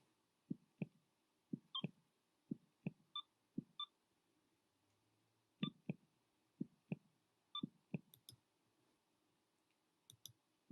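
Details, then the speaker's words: Simulated normal heartbeat from a human heart anatomy app: steady paired lub-dub thumps at about 60 beats a minute, briefly interrupted, with light device clicks. "there is also an audio element to this app so in this clip you can hear the heart"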